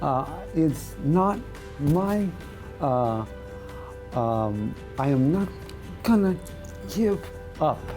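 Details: Adult male radio correspondent who lost his voice about two years earlier to segmental dystonia affecting voice and tongue, treated with Botox injections in the tongue; voice dystonia (segmental dystonia).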